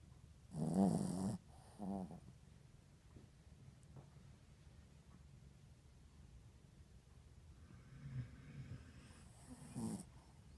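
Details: Yorkie-Poo puppy napping in owner's lap: a few short, uneven snorting breaths separated by quiet pauses; light snoring.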